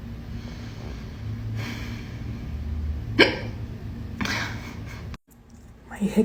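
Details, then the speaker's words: Adult with persistent, really bad hiccups at work, echoing off office walls: two abrupt, loud vocal hiccups about a second apart over room hum, with a brief gulp near the end. "I have really bad hiccups and I'm at work and the sound is bouncing off the walls of my office and it won't stop and it is so embarrassing"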